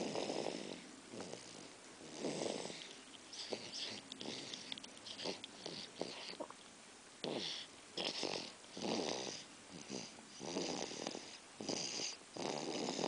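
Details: Snoring: repeated rough, noisy breaths with wheezy, snorting bursts on each breath.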